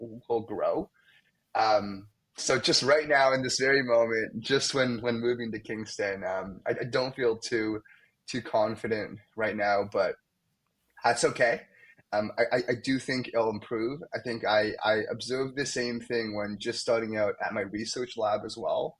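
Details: Young man, a medical student, who has stuttered most of his life; stuttering.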